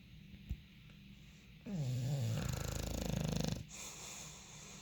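Loud, fluttering rattly snore on one long breath from a bulldog, the soft palate vibrating rapidly, then quieter breathing.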